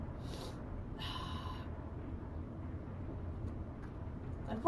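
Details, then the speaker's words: Sneeze from an adult streamer who covers the mouth and turns away from the microphone: a short intake of breath, then a muffled sneeze burst. "i do not have a mute button on my keyboard so i can't shut the sound off when i have to sneeze like that otherwise i would all i can do is cover my mouth and turn away from the microphone as much as possible when it happens"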